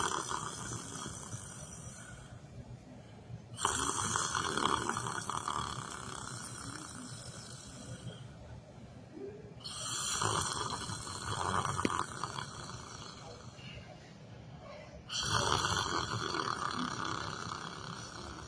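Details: Person sleeping while sitting in a chair: rough, rattling snores on each breath, about 10 breaths a minute, with quiet pauses between and room noise behind; snoring.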